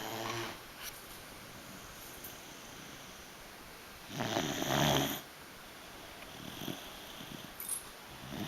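A single loud rasping snore in a quiet room, with softer breathing noises around it; dog snoring in sleep.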